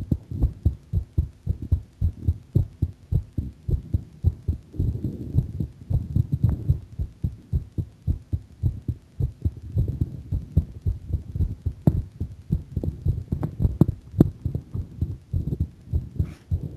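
Rapid, regular low thumps of a heartbeat at roughly 105 beats a minute, a little faster than a resting rate.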